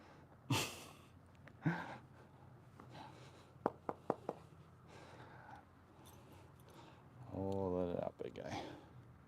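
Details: A horse that is sore, likely after a recent barrel race, gives two forceful nasal blows, then sharp clicks and a low groaning exhale, during chiropractic shoulder stretching; ordinary snorting.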